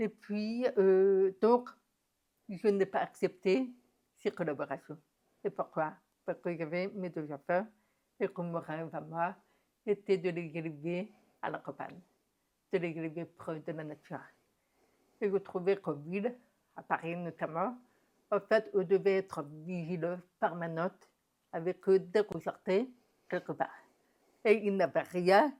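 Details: Woman deaf since infancy (diagnosed at 9 months), told she would never speak; never heard her own voice; learned speech through about 20 years of speech therapy; deaf speech (profound congenital deafness).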